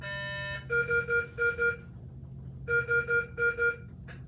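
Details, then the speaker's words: Repeating groups of high electronic beeps over low room hum: an MRI infusion pump's air-in-line alarm after starting a 10 mL bolus at 500 mL/h (propofol example), signalling air in the tubing. "There is air in this tubing, which is why it's giving me this alarm, so I can get that air out."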